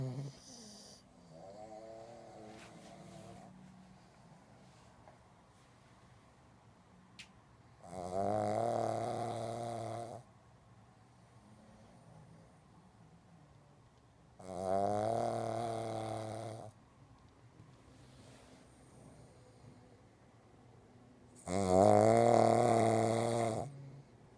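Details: Loud, rattling snores from a sleeping pug, said to be louder than a human, coming roughly every seven seconds with quiet gaps between; snoring.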